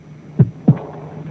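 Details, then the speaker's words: Simulated heartbeat said to represent 56-year-old Adolf Hitler's heart: a dull first sound, then a louder, ringing accentuated tambour second heart sound, a sign suggested to indicate terminal coronary (syphilitic) heart disease. "this is what Hitler's heart sounded like with its distinctive abnormal beat that could indicate the terminal state of coronary syphilis"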